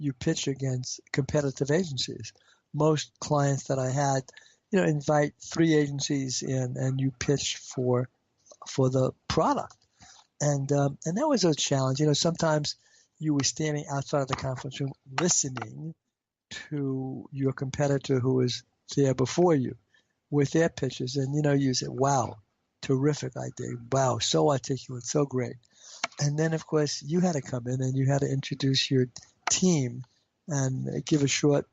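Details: Adult man with stuttering since age five, treated with intensive fluency therapy and now using fluency targets, still reporting blocks; stuttering.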